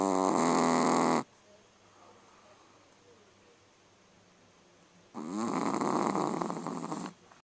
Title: Zero hard at work. Snoring puppy